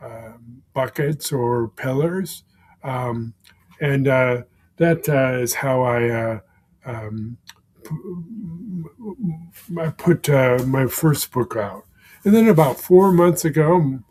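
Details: Man with aphasia for more than 16 years following a stroke; aphasia.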